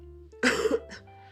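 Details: Girl with a throat cold who says she coughs with every word she speaks, though it is better than at the weekend: a single harsh cough burst with a brief trailing throat sound over faint steady background tones.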